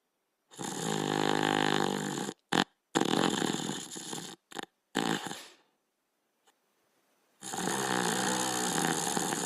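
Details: Border Collie and Australian Shepherd dogs sleeping: loud, rattling snores on long breaths, broken by short snorts and a pause; snoring.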